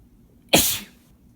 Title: Boyfriend's sneezes (m)